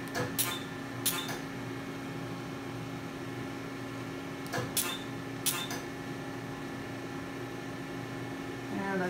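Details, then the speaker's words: V-Beam Perfecta pulsed dye laser treating enlarged blood vessels on fair skin: several sharp snapping pulses, each with a brief hiss of cold cooling spray, over room hum; patient reports minimal pain. "so the laser also puts out cold spray during the treatment so it keeps the skin cool and safe and it's comfortable for the patient"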